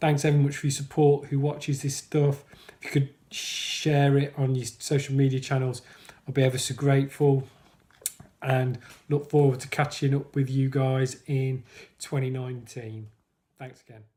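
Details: Adult man who stammers, describing himself as a person who stammers and reporting blocking; stuttering (stammering).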